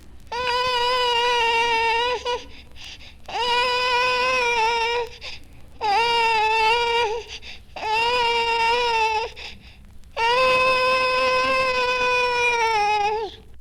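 Five sustained, high-pitched infant cries with a wavering, sputtering quality like a car failing to start: a tremulous cry during recovery from kwashiorkor.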